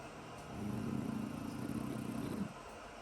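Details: Snoring from French bulldog puppies, with dark, cold rain sounds in the background.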